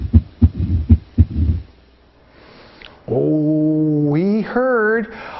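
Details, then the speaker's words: Mitral stenosis: low heart thumps with opening snap and mid-diastolic rumble, followed by a sustained hummed tone. "this is the opening snap and this is the mid diastolic murmur opening stat mid diastolic murmur as the blood squeezes through the heart"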